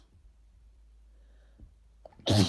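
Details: An adult with a cold deliberately induces sneezing: a quiet build-up with a faint catch of breath, then one loud, explosive sneeze.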